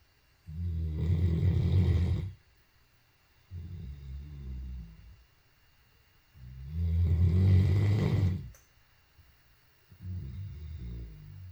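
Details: Great Dane dog (tagged as a tired puppy) snoring while asleep: deep, rumbling snores with loud inhalations and softer exhalations, about 10 breaths per minute.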